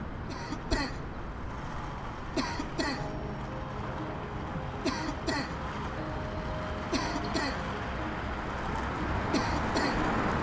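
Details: Recorded adult coughs played from a billboard outdoors in Dublin, in paired bursts over steady traffic noise, about nine in ten seconds; lung cancer awareness campaign about persistent cough.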